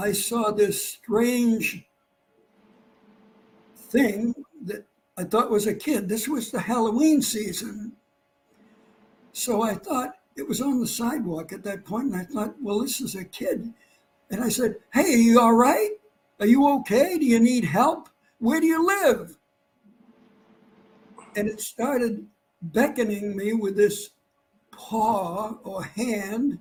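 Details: Dysphonia in an adult man after vocal cord cancer and operations; he lost his voice, it partly returned, and his voice does not carry far.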